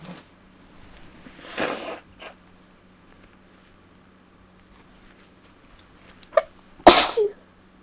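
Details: Two short, sharp sneezes from a small animal with a faint snuffle between, against quiet room noise; sneezing.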